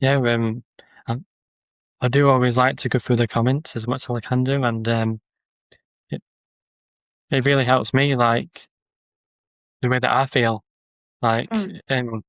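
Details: Adult man with a stammer who uses social media videos to build confidence; word and phrase repetitions and pauses; stammering (stuttering).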